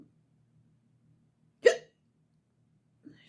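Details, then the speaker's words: A single sharp, abrupt hiccup with a brief voiced catch in a quiet, dark bedroom at night, from a tired young woman trying to go to bed; her hiccups often come with yawning. "most of the time when I get hiccups I end up yawning too I'm so so tired but so tired I just want to go to sleep"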